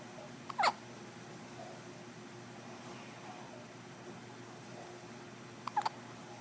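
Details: Six-day-old baby boy just after a big dinner, hiccupping; two sharp, brief hiccup sounds about five seconds apart over quiet room noise; hiccups.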